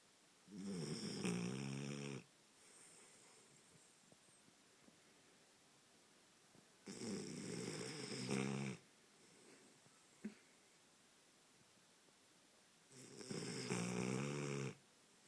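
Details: Sleeping female Boxer puppy snoring loudly, with rattling snores on three breaths, about 10 a minute, and quiet exhalations between them.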